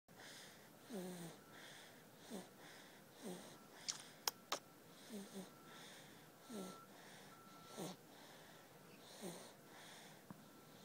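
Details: 3-week-old infant snoring during sleep: soft, rhythmic breathing with a whistling, wheezy quality about every 1.3 seconds, some clicks; light snoring.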